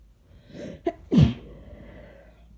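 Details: A sick person takes a quick indrawn breath, then gives one muffled, covered sneeze; sneeze.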